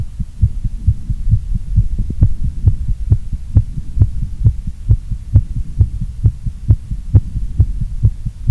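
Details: Heartbeat rising during a workout then a short recovery: fast, regular, low thuds at about 130 a minute over a steady low hum; rapid heartbeat after exercise.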